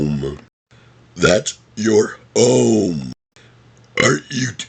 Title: Burp Speech #24 - Happy Gilmore Quotes ( Talking While Burping )